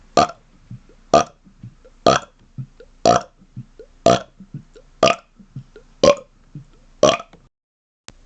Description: More rapid-fire burps for your enjoyment! :)